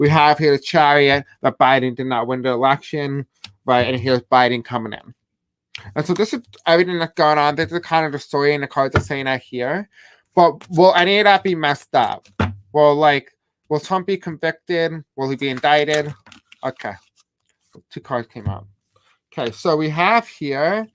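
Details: Deaf speech in an adult male host who says he has a deaf accent and has a hard time pronouncing certain words.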